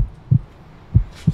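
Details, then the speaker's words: Three deep, regular heart thumps heard through a stethoscope on the adult presenter's own chest, added as a sound effect: a normal, healthy heartbeat. "that's my heart beating i'm nice and healthy"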